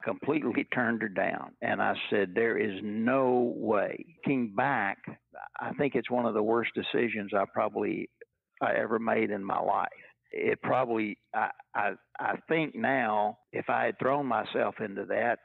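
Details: Stuttering in a retired adult man who has stuttered all his life, since he first began talking in childhood in the 1950s; stuttering.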